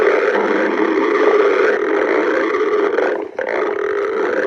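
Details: Stomach growling: a continuous low gurgling rumble with a brief dip near the end, ordinary borborygmi.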